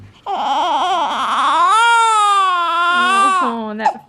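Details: Newborn baby girl, around the time of her newborn hearing test, with gas pain: sustained, strained cry with rising and falling pitch and one breath catch; infant cry.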